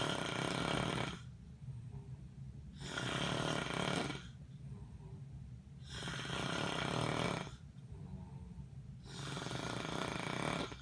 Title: Ig snoring